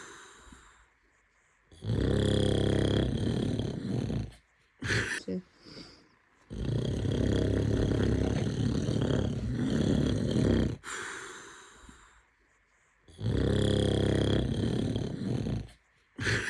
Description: A baby’s hilarious reaction to his dad’s loud snoring was captured on video in Slavonia, Croatia.